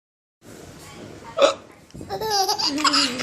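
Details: A father's single sharp hiccup followed by his 5-month-old baby's bright, bubbling laughter; adult hiccup.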